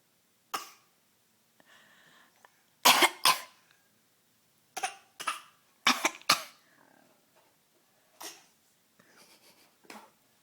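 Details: Young child imitating coughing: short, sharp pretend coughs, mostly in quick pairs, with soft breaths between; imitated cough.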